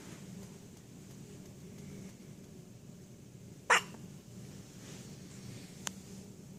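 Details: A dog's first hiccups: one sharp, abrupt hiccup sound, followed later by a much fainter click, over quiet room noise.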